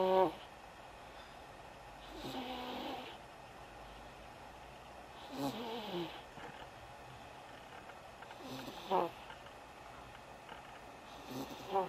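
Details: Snoring in a sleeping son: regular soft snores with fluttering breath sounds, about 18 breaths a minute, over quiet room noise; ordinary snoring in sleep.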